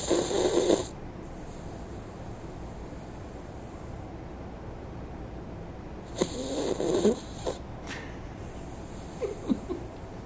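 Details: Female dog snoring during sleep: short, snorting snores in bursts with hissy breaths between, over steady room noise; ordinary snoring.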